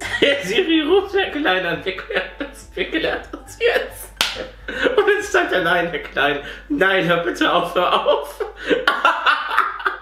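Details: Vocal tics, including sudden exclamations and insults, in a man with Tourette syndrome.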